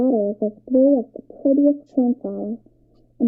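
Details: Simulated mild to moderate hearing loss (about 40 dB), bilateral loss sloping to severe at high frequencies: a child's voice reading a sentence comes through muffled and dull in short bursts, words unclear.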